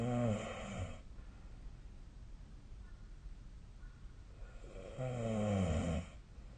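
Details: Snoring recorded during sleep with the SnoreLab app on 2025/03/07: two loud, low, rattling snores about four to five seconds apart, with quiet breathing between them.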